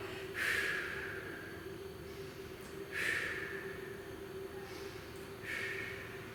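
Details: Breathing control (relaxed normal breathing) in a physiotherapist-led active cycle of breathing technique for airway clearance: three soft, unforced exhales at about 23 breaths a minute over a steady room hum.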